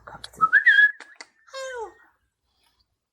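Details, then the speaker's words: A person with Tourette syndrome makes a whistling phonic tic: a brief, sudden whistle, then a short falling voiced squeal. "i have a whistling tick and i can't whistle so i just do the face i just do"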